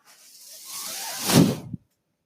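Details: Speaker's own mechanical ventilator heard in the background while talking on a podcast: breath-delivery sounds of the ventilator.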